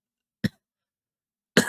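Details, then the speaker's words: Adult who is still somewhat sick, coughing more the longer they speak until reaching a coughing fit: two short, abrupt coughs about a second apart in a quiet room. "As you can hear, I'm still somewhat sick. I'm coughing a lot, and that is basically just due to whenever I speak for a prolonged period of time, I'm just going to keep on coughing more and more until I get a coughing fit"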